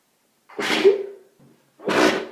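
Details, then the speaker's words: Repeated explosive sneezing, two forceful sneezes in quick succession, from seasonal spring hay fever on a March day, with watery eyes and itchy nose and throat after sneezing all day: allergic rhinitis. "I've been sneezing all day I'd like to stop now oh itches oh my throat's itchy"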